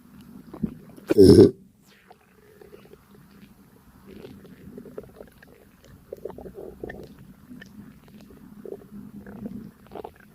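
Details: Stomach digesting a light breakfast: a single loud low burp, then soft irregular abdominal gurgles and rumbles, ordinary digestive sounds.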